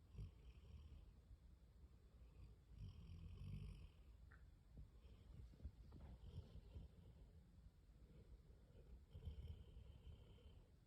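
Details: Weimaraner dog sleeping on a couch and snoring: low, rough rumbling breaths rising and falling every few seconds, with faint room noise behind.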